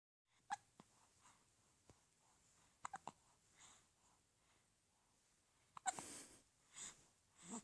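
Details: Hiccups in a 4-week-old infant: faint sharp clicks and brief catches, some in quick pairs, then breathy noise, against quiet room noise.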